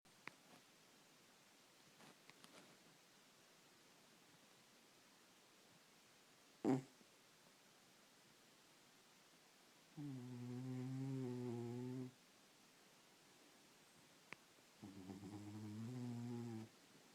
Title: Sleeping Cat Snoring Loudly